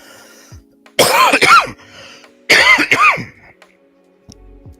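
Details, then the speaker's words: Two bouts of sharp, voiced double coughs in a quiet room, a lingering cough; cough. "hang on a sec here yeah so as you can hear the lingering cough"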